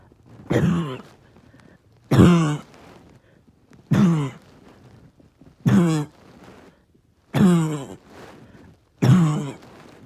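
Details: Six single, deep, harsh, voiced coughs about every 1.5–2 seconds from a person who has had a bad cough all day and reports tiredness and chest pain.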